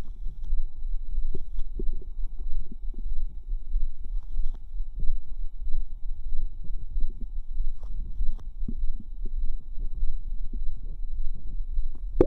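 Continuous low gurgling and bubbling with soft squelches and pops: ordinary bowel sounds from gas and fluid moving through the gut.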